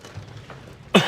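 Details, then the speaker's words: Acted, deliberate single short sharp cough by a poker player, a voluntary cough used as a fake tell at the table, not a sign of illness. "for instance, has a huge tell. When he gets a good hand, he coughs."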